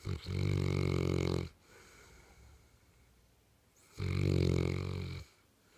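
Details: St. Bernard dog sleeping on a couch: two loud, rattling snores on inhalation with quiet exhalation between; snoring.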